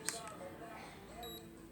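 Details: Brief high electronic beeps over quiet room noise: a digital thermometer signalling its reading is done while a child's temperature is taken at home during recovery from a cough and cold; the reading was 36.8 °C.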